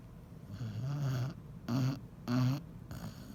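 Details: Sleeping Basset Hound snoring: deep, rumbling, repeated snores, each about half a second long; snoring.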